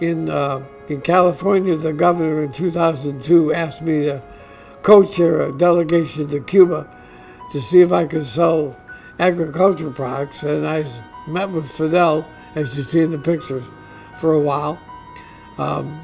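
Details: Adult man diagnosed with ALS (Lou Gehrig's disease), which he says is affecting his voice; dysarthria (ALS).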